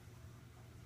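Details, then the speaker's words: Steady low motor hum with soft hiss from a nebulizer compressor running during an aerosolized medication treatment on a simulated patient, lasting five to six minutes until it sputters. "hold on it starts to kick a couple times keep going and then it's sputtering and it's done so all done with that"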